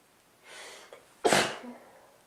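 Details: Person with a cold: soft breath in building up, then one sharp, explosive sneeze with a faint sound after; ordinary sneezing during a cold.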